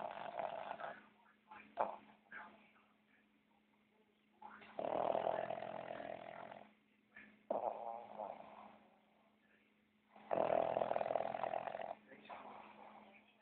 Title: Mao snoring with his eyes open